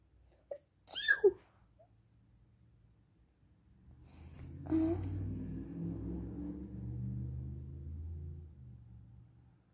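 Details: Single sneeze triggered by perfume: a short, sharp sneeze with a catching breath before it, followed by a low voice and background hum.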